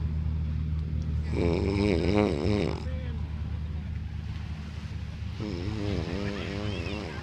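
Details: An adult man with narcolepsy snoring loudly while asleep on the beach, compared to a freight train.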